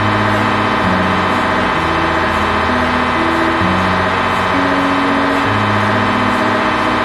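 Loud, steady mechanical droning with shifting tones and a fast pulsing rhythm, typical of an MRI scanner running a sequence.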